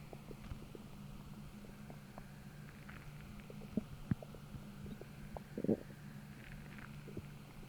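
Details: Stomach growling (borborygmi): low gurgling rumbles and squeaky bubbling over a steady hum, starting about twenty minutes after a deep, achy, empty, hollow feeling, an hour after feeling heavy and bloated from a large dinner the night before; feels starving.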